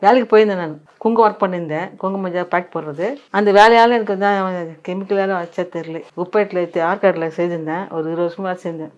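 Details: Woman after surgery for tongue cancer, now with a blister-like swelling on the tongue's side and painful swallowing and eating, which she links to about 20 years of work with kumkum chemicals; dysarthria after tongue cancer surgery.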